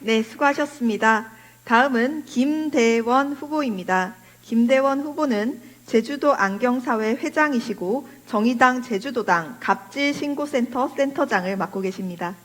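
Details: Adult woman speaking Korean; normal fluent speech.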